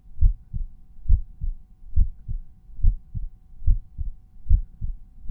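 Steady paired lub-dub beats at about 70 a minute over the mitral area; normal heart sounds with no added noises.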